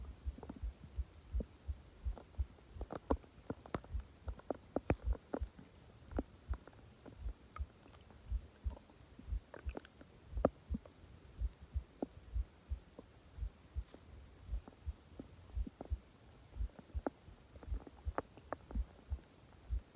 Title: Subtle stomach growling after failed video attempt